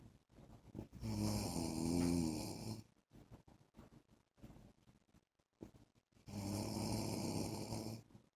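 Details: Husband's snoring during sleep: two long rattling inhaled snores about five seconds apart with soft irregular breath noises between.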